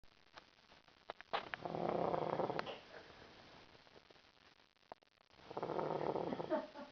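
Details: Adult man asleep on a couch after returning from a trip gives two loud, rough, rattling inspiratory snores separated by a quiet breath out.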